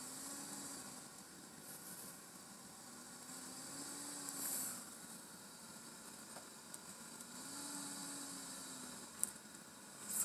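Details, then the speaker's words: Quiet, steady airflow hiss with a gentle swell every 3–4 seconds as the person breathes on CPAP of 8 through a full face mask, switched from BiPAP, giving pressure without blowing on inspiration. "so let's just do a CPAP straight of eight now you'll notice that it's not blowing at you when you breathe in it's just more on the pressure"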